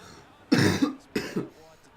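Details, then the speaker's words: Two harsh, rough double-burst coughs against faint room noise from a person with a raspy throat. A dry, raspy cough. "it's just more like my throat and my cough it's not great it's very raspy"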